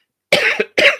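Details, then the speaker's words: Adult man with a tickly cough lingering over a month after COVID, with a hoarse voice: two short, dry cough bursts. "this is a tickly cough that has been hanging around since i had covered over a month ago"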